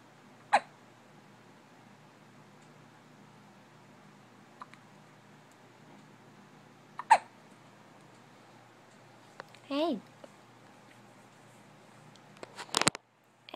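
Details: A baby gives two sharp, abrupt hiccups several seconds apart in a quiet room, with a brief vocal sound and clatter; hiccups.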